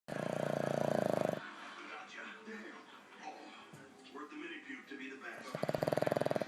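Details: Black pug in an orange night shirt sleeping: two loud, buzzy, fluttering snores about four seconds apart, faint talk in background.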